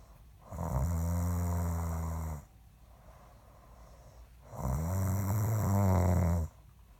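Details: Man snoring during sleep: two long, deep, rattling snores about two seconds each with a quiet pause between; loud snoring.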